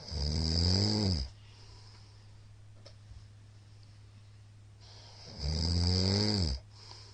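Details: Middle-aged man's loud snoring during sleep: two very loud, rough, rattling snores about five seconds apart, with quiet breathing pauses and a steady low room hum.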